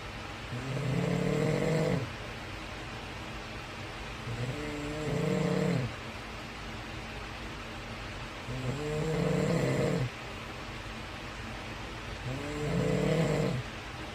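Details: Adult father snoring, loud enough to wake his baby: four loud, regular, rattling snores about four seconds apart, roughly 15 a minute, over steady room noise.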